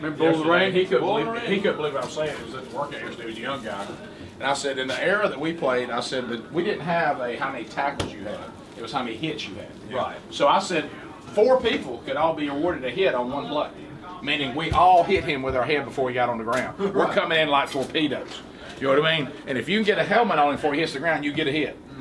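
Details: Adult man, radio talk show; ordinary speech.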